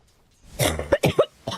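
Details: Adult female smoker, unscripted, coughing while gaming; she says she smokes despite an allergy. A rapid run of about five harsh, deep coughs, typical of a smoker's cough.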